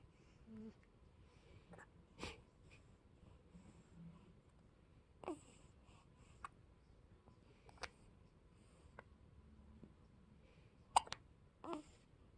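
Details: Person with hiccups: brief, sharp catching sounds repeating every few seconds, about eight in twelve seconds, in a quiet room.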